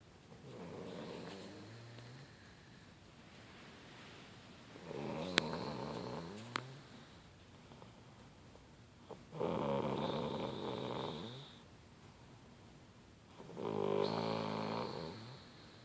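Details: Rattling, throaty snores from a sleeping girl on each breath in, about four over sixteen seconds, with quiet breathing between.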